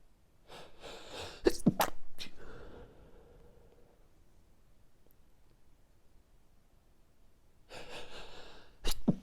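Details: Late-night sneezing fit before sleep: a run of sharp, explosive sneezes with quick in-breaths, a pause, then another sneeze.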